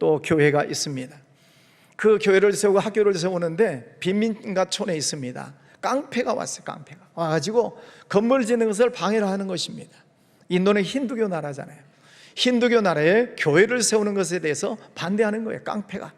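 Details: Adult male speaker; Normal voice.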